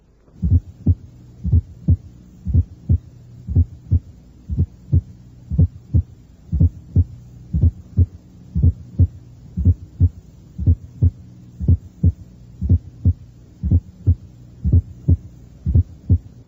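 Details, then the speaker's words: Teaching recording at the apex: regular heartbeat near 59 a minute, normal first and second sounds, then a soft low left atrial sound added just before S1, louder in expiration, a fourth heart sound (atrial gallop). "un ruido auricular izquierdo que es más intenso durante la espiración el primero y segundo ruidos cardíacos son normales"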